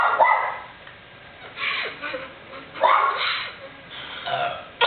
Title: burping contest